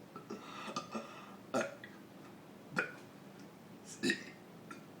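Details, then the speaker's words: Deliberate burping while burping the alphabet (ABCs) for fun: three loud, rough, voiced burps about a second apart after brief vocal sounds. "oh you're supposed to burp It Whatever all right horrible give a little burp"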